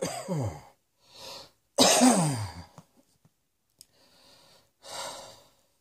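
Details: Adult cough: two harsh, voiced coughs, each followed by breathy inhalations and exhalations in a quiet small room.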